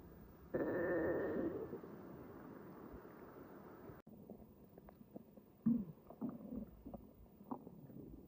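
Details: Stomach noises recorded without a microphone the morning after a stuffing session: a long, loud gurgling rumble, then scattered shorter gurgles; borborygmi from gas and fluid moving.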